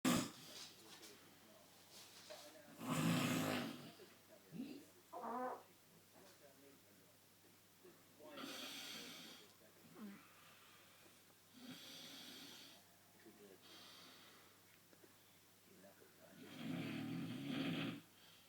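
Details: Terry farting and snoring: quiet, irregular snoring breaths with soft snorts over low room hum, several bouts across the recording; snoring.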